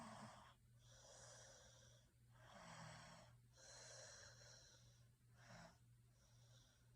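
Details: Irregular, noisy, rasping breaths over a steady low hum; snoring during sleep.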